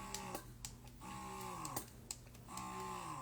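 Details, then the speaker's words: Repeating motor hum with clicks, about 40 cycles a minute, from a Zomee Fit wearable breast pump in expression mode, described as loud; longer pulls with stronger suction; wearable breast pump running. "Now, again, this is loud. It's louder than me and I'm pretty loud."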